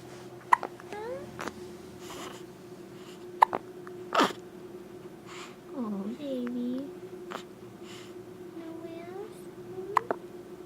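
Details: Short, sharp, irregular hiccup clicks, roughly 20 a minute, with soft cooing and a low room hum from a baby girl just after her bath; infant hiccups.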